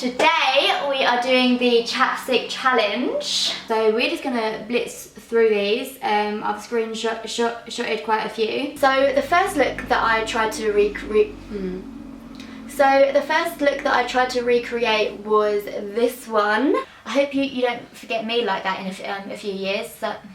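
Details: Young woman with a lifelong stutter (stammer) that occurs daily, even with family and friends; outtake clip of her stuttering; stuttering.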